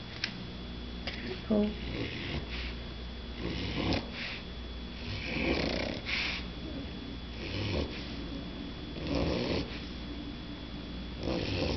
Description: Max the Mini Bulldog baby snoring